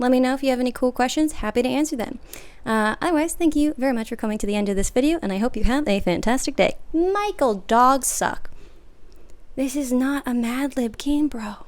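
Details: Adult woman with Tourette syndrome whose tics are mostly (80–90%) vocal, including coprolalia and random words and phrases, often triggered by being recorded; vocal tics (Tourette syndrome).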